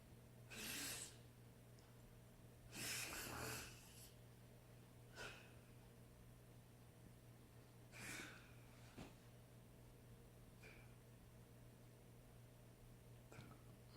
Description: Man is able to snore and yawn at the same time, without ever waking up!